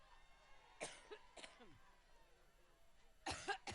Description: arrived in Cleveland today and spent the first few minutes of her speech trying to get her cough under control.